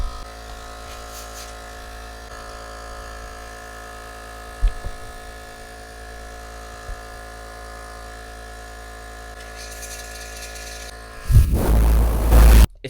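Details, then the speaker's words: Philips Respironics nebulizer compressor running after teardown, air output through small-hole attachment making airflow significantly stronger; steady low motor hum with brief burst of rushing air near end. "Now the air is significantly stronger because it's coming out of such a small hole."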